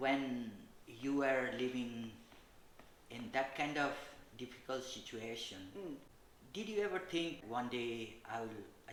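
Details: Adult speaker; typical speech.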